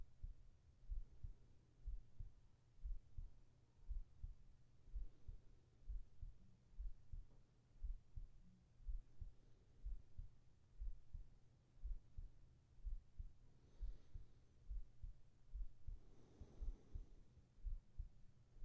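Steady low thumps at about 60 beats a minute with a faint hum behind; a normal heartbeat.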